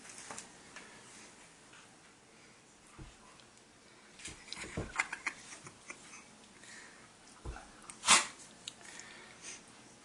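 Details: Pitbull dog sneezing while being slapped around by a cat: snuffling and sniffing, then one sharp sneeze burst near the end, with quiet room noise.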